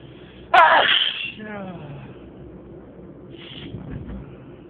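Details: A single sharp, explosive sneeze with a brief voiced trailing sound, part of an adult's sneezing fit, recorded on a phone inside a car.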